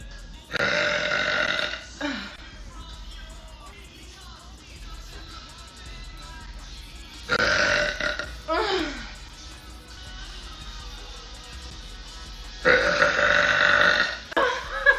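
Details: Woman burping on purpose, one after another: three long, loud, rumbling belches, each over a second, with quiet music and room noise between; repeated burping.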